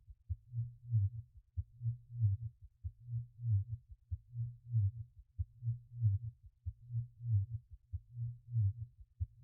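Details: A heartbeat sound used in a subliminal dhikr audio track: steady, muffled, low paired thuds at about 46 beats a minute, with a slow, even rhythm.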